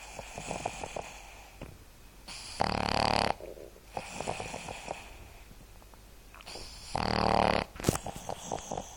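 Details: Boston terrier dog asleep: loud, rattling snores on the in-breath, two in nine seconds, with soft snuffling and light breathing noise between; snoring.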